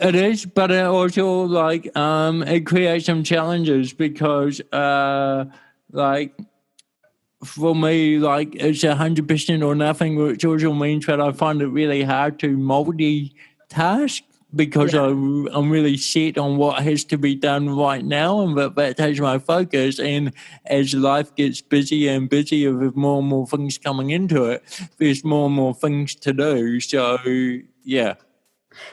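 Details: Adult male born with cerebral palsy in 1984 who was told walking and talking would be his biggest challenges; he sounds slightly different and calls his speech an accent. Finding: mild dysarthria (cerebral palsy).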